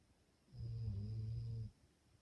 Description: This is my dog, Murphy sleeping and snoring peacefully.